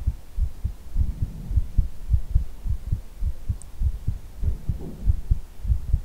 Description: happy saturday loves ❤️ enjoy tonights heartbeat asmr.